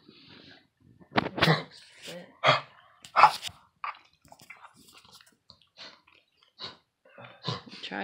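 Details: Dog with kennel cough, under treatment, having a coughing attack: a run of harsh, honking coughs; owner thinks it came home with the male after his neutering; one dog coughing up white phlegm.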